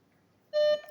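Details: Power-on beep of a Kaltech KMI-SY02 syringe pump: a single short, clear electronic tone as the pump is switched on, a normal start-up beep.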